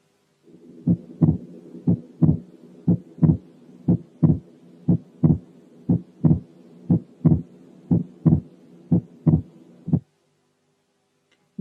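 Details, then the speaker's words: Auscultation teaching recording: split second heart sound, slightly broad S2 from two components lying very close together, the narrowest of several split-S2 examples; splitting heard over the pulmonary area, perhaps along the left sternal border. "أولا هنا يا دوبك السكند ساوند كان عريض شوية لأنه مكون من تو كومبوننتس جنب بعض خالص."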